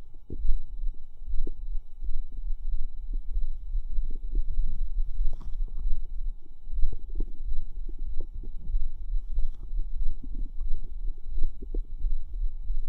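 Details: Continuous low stomach gurgling, bubbling and squelching with scattered pops; ordinary bowel sounds (borborygmi).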